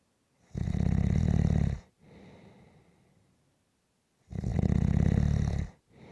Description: This is a 6 minute clip of snoring.